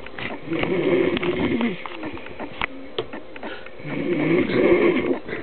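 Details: Snoring in a drunk, overweight adult man who passed out mid-sentence: two rough, fluttering snoring breaths with snorting, about four seconds apart.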